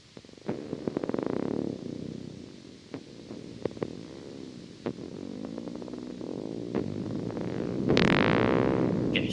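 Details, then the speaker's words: Needle EMG, short burst: crackle with a rapid, whining discharge that speeds up and swells and fades in loudness, a myotonic discharge. "you can kind of hear that rapid speeding up you can see it a little bit and it also will increase and decrease in amplitude as well here's a shorter burst of my atonic"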